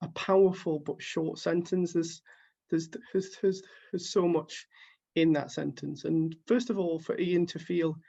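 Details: Stuttering in an adult who stammers, reading quotes from a book at a live online stuttering event, with repeated word repetitions audible.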